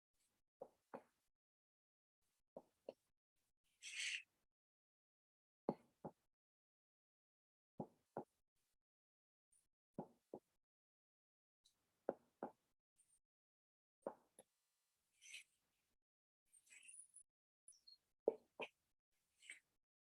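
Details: Normal abdominal percussion note during an abdominal examination of a 27-year-old man.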